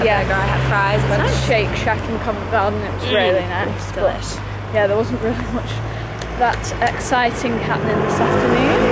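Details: Adult speaker; Normal voice.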